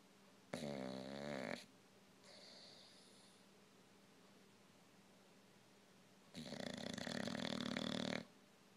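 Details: Old English Bulldog, snoring louder with age, asleep: two loud, rattling snores about five seconds apart, with a quieter breath between them.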